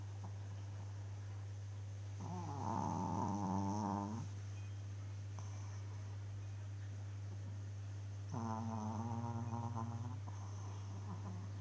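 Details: Snoring: two slow, rumbling inhaled snores, each about two seconds, over a steady low background hum.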